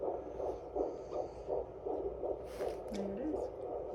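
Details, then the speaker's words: Fetal heartbeat heard on Doppler at about 14 weeks of pregnancy, rate about 150 per minute: rapid, regular whooshing pulses. "Whoa. That's a heartbeat? Yeah. Whoa. Wow. So is that the heartbeat of a boy or a girl?"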